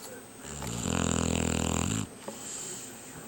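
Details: Shar-Pei dog snoring while asleep: one loud, rattling, buzzing snore on an in-breath, then quiet breathing.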